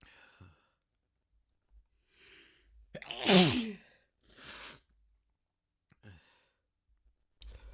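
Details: Person with a sneezing fit, also blowing nose: short inhaled breaths, then one loud voiced sneeze and a breathy exhale.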